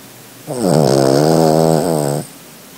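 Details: Small dog snoring while asleep: a single loud, drawn-out, rumbling snore lasting nearly two seconds in a quiet room.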